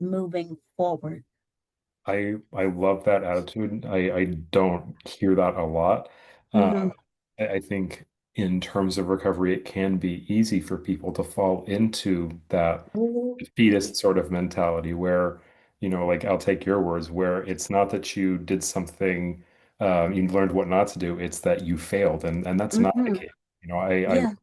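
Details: Adult male speaker; normal speech.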